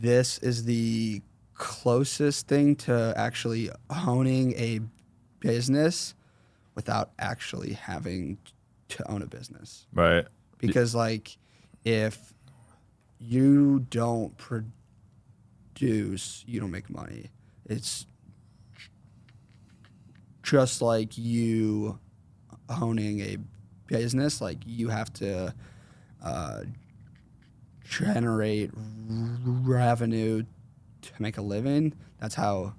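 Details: Man, 21, with a stutter since 4th grade, severe in school years, speech therapy around age 8 to 10; still worse when consciously processing what he says; stuttering.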